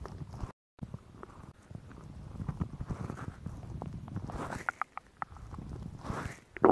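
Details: Woman's stomach sounds recorded for relaxation ASMR: irregular soft gurgles, pops and rumbles from the belly; ordinary stomach growling of normal digestion (borborygmi).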